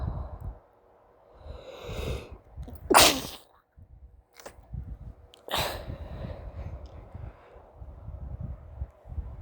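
Two sharp, explosive sneezes, each with a quick breath in before it, over quiet room noise.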